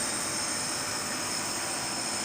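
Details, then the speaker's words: Child with cold, cough and fever self-nebulizing with a mask, machine placed behind; steady mechanical hiss and hum with a high whine of the nebulizer compressor running. "Mask लगा लिए हैं। Machine रख लिए हैं पीछे। और खुद ही nebulize हो रहे हैं।"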